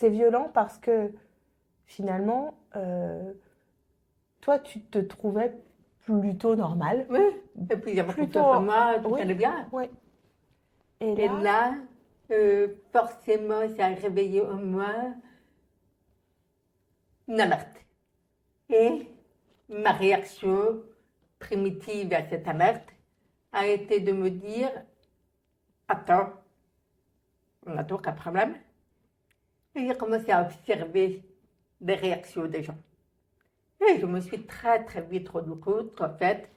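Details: Adult woman, born profoundly deaf (prelingual), raised with thousands of hours of speech therapy, lip-reads, and has been understood by others only since about age 12; deaf speech (prelingual profound deafness).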